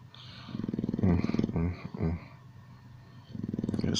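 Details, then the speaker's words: An Old English Bulldog asleep in his bed gives loud, low, rattling snores with a coarse fluttering buzz on each breath; the owner says he snores like this every night and has for years. "this is there every night and he's in his bed I'm in his bed so when wedding room looks so crazy it's a doggy room but this is all I hear here free every night for years it's just how it is"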